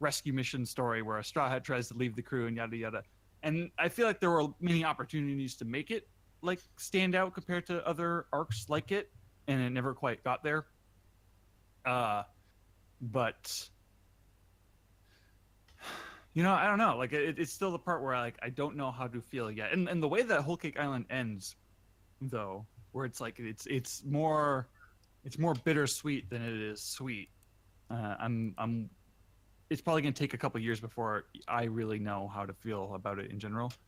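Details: Stuttering in a male podcast host who describes himself as a stammerer, speaking in a live-streamed English podcast.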